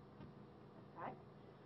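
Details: Sterile tracheostomy suctioning demonstration for nursing training: suction tested and catheter tip lubricated by covering the thumb-port hole; brief hiss and slurping rush as suction engages, then quiet when released; normal suction catheter function.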